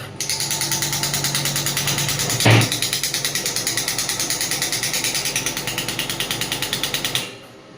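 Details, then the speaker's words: Biotronix pneumatic radial shockwave (ESWT) device, 0.5–12 bar, firing: tungsten bullet in the probe strikes the surface, giving a rapid steady train of sharp clicks about three per second with one louder knock. "ये जो device है, इसमें जो probe है उसके अंदर already एक bullet है, जो बुलेट यहाँ से यहाँ ट्रेवल करती है, सरफेस पे हिट करती है, टंगस्टन"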